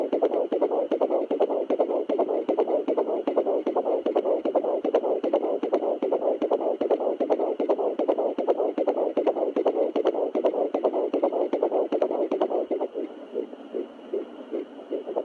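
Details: Fetal heartbeat at 12 weeks 3 days of pregnancy on a home Doppler: rapid, regular whooshing pulses at about 154 beats per minute; fetal heartbeat on Doppler.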